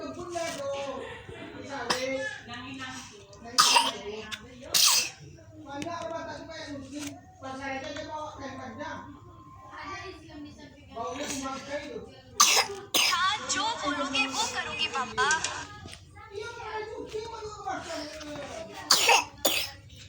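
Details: Several short, sharp coughs from a young child (Zidhan) with a cold and runny nose, scattered among speech and play sounds in a small room; child cough.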